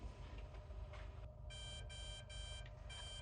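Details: A faint click, then four repeated electronic beeps over low room hum as a CADD-Solis infusion pump powers on before programming in PCA mode; a normal start-up tone.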